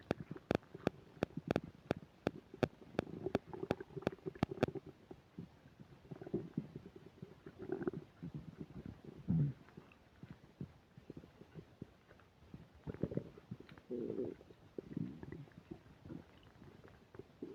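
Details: Loud, frequent gurgling and rumbling bowel sounds (borborygmi) from the belly while eating a burger and fish fries, with upset digestion; occasional static crackle from the microphone early on.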